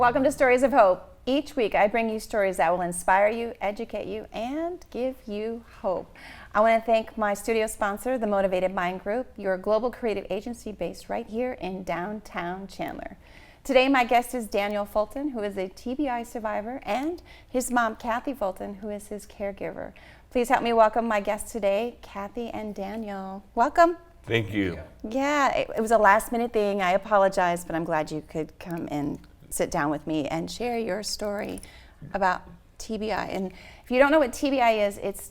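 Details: Adult woman speaking; typical speech.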